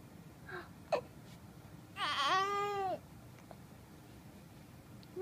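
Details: Two-month-old infant who has the hiccups, vocalizing: a single short, whiny cry lasting about a second after a brief catch in the breath, in a quiet room.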